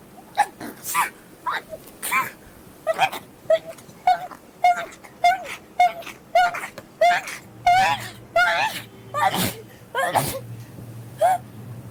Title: girls sneezing rapidly. #16.|| rapid sneeze.